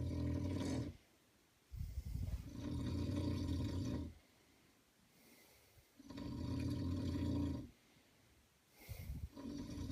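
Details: Adult man (a friend's dad) asleep: loud, coarse rumbling snores recur every few seconds, with quiet pauses between breaths.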